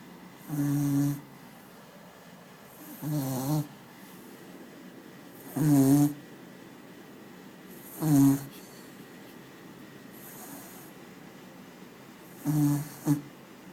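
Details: Sleeping subject gives five rhythmic snores with clear inward rumbling, about one every 2.5 seconds, in a quiet room. Ordinary snoring.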